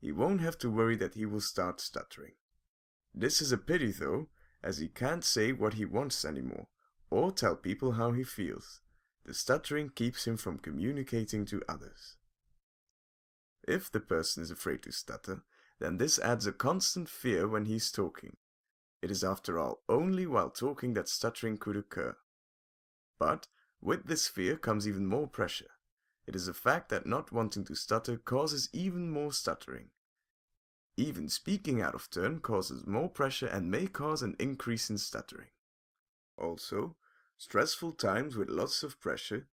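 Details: Adult male narrator; typical fluent speech.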